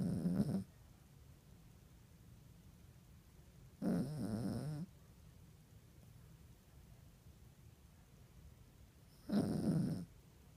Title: Snoring